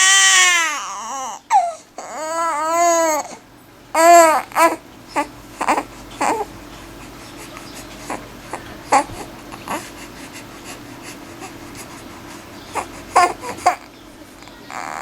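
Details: Infant crying: loud, high-pitched cry bursts at first, then softer intermittent fussing.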